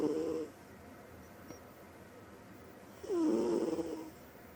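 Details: Female cat sleeping: two soft, short, slightly whistling snores separated by quiet breathing; gentle snoring.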